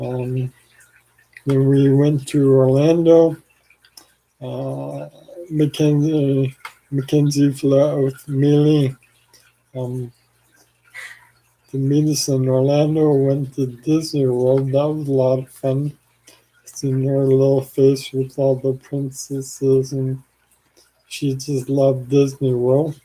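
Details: Adult man with ALS, 4 years after diagnosis and 14 years since symptom onset, with weakening arms and saliva and phlegm buildup; slurring speech, possibly hard to understand; dysarthria (ALS)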